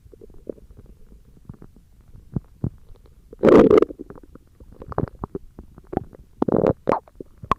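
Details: ASMR recording of stomach growling: irregular gurgling and bubbling rumbles with a few louder squelching bursts from ordinary gut movement; borborygmi.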